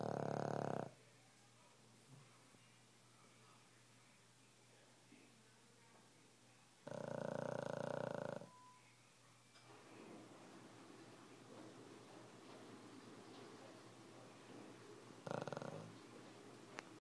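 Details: Dog snoring during sleep, loud rasping snores in roughly one-second bursts separated by long quiet stretches over steady room noise, heard all night long; snoring.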